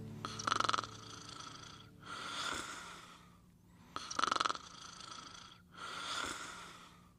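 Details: Sleeping pet snoring with a "Rock-a-Bye Baby" lullaby playing in the background: soft snorting snores about every two seconds; ordinary snoring.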